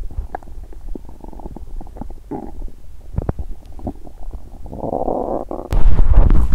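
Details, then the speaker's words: Belly sounds after exercising on an empty stomach, which caused feeling unwell and loud stomach noises: ordinary hunger-related bowel sounds (stomach growling). "Đó là một âm thanh đói tốt!"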